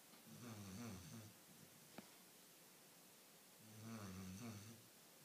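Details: Sleeping dog snoring like a human, with two low, rumbling snores about three seconds apart and quiet breathing between.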